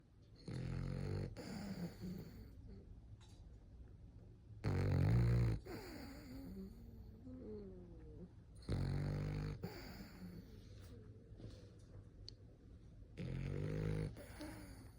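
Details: French Bulldog snoring like an old man: loud, rattling snores roughly every four seconds, about 15 breaths a minute, with softer whistling and squeaky sounds between them.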